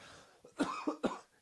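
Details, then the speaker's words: Adult coughs three short, harsh times in quick succession in a small room, just after smoking a new cannabis strain. "It sounds like it's going to make me cough."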